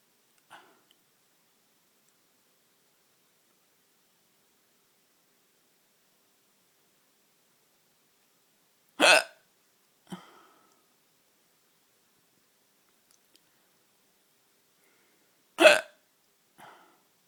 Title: Hiccups at night